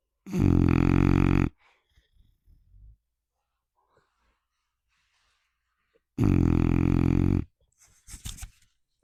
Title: Miss Piggy snores so loud!